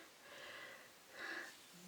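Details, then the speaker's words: Pet cat snoring in the background of a hair-styling recording. "I'm apologize if you can hear my cat snoring in the back"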